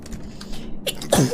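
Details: A woman sneezes once: a quick indrawn breath, then a sharp, forceful burst of air and voice.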